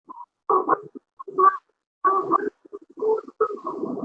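Harsh, high, crowing noise with each labored breath, in both breathing in and out: stridor from a blocked upper airway.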